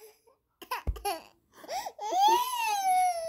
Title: our crying baby